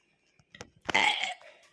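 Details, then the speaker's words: Burp during a burping challenge after drinking apple juice: a few short throat noises, then one loud, rasping burp lasting about half a second. "my guys, I need a burp. That was half a burp."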